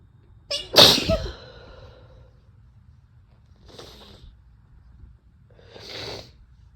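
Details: Female sneezes, induced and spliced together as singles and doubles: one loud, sharp sneeze, then two softer breathy bursts.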